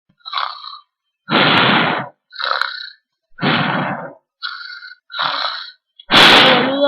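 Series of loud, rough, gulping bursts in quick succession, cartoon-style belching.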